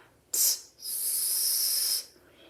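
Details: Speech therapist demonstrating the corrected /s/, shaped by saying /t/ then releasing air, as the replacement for a lateral (slushy) lisp; correct /s/ sound shaped from /t/.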